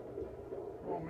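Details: Fetal heartbeat at 12 weeks of pregnancy on a Doppler, with the baby moving around: muffled, rhythmic whooshing pulses.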